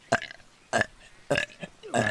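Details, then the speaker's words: Young woman streamer burping: four short voiced belches in quick succession, each a brief guttural burst. "oh my goodness you're going to get belching you're going to get burping that is a gall bladder problem and drink at the same time"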